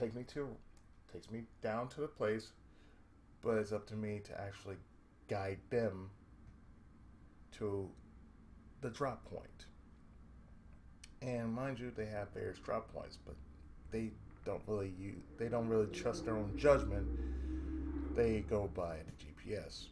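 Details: Adult male with cerebral palsy, with speech problems since childhood and ongoing breaks and pauses in his speech that he reports he cannot control; speech disfluency with cerebral palsy.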